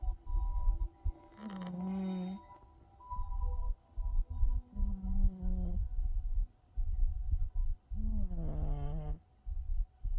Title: my kitty snoring, lol